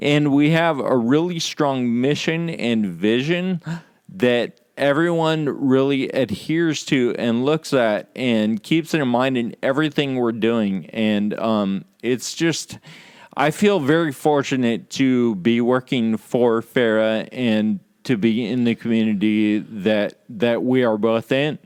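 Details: Real male patient with Friedreich's ataxia, a condition causing loss of muscle control and balance and slurred speech; ataxic dysarthria (Friedreich's ataxia).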